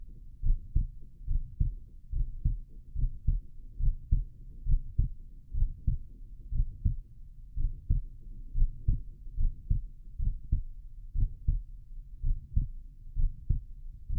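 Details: Heart auscultation in left lateral decubitus position: regular low heart thumps at about 70 beats per minute, normal heart sounds.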